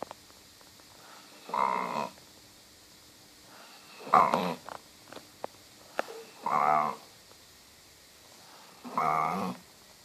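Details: Four loud, moaning snores about every 2.5 seconds, almost cow-like lowing, with quiet breathing between; snoring in a sleeping dog.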